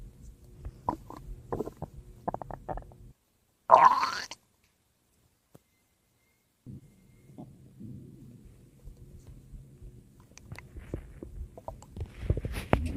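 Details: Ordinary stomach growling (borborygmi): low gurgling rumbles with one louder squeaky growl, then quiet, then more soft gurgles as gas and fluid move through the gut.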